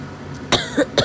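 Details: Three short, dry cough bursts in quick succession over faint room noise from a hoarse adult whose persistent cough has not responded to three cough medicines.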